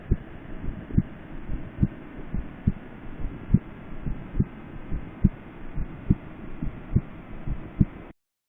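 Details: S4 gallop on cardiac auscultation of a chest pain patient in a clinical skills exam demonstration, heard with the bell at the apex; diaphragm used at sternal borders.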